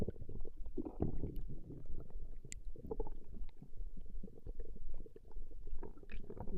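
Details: Ordinary stomach growling (borborygmi) recorded over 20 minutes: continuous low rumbling and gurgling from the belly.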